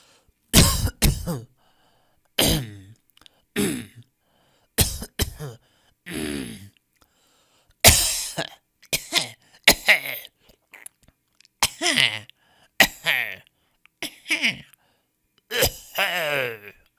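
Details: Coughs from a 10-minute sound-effect compilation of different people coughing in different styles: about a dozen separate coughs and throat-clearing bursts, some harsh, some with a voiced ending, with quiet gaps between.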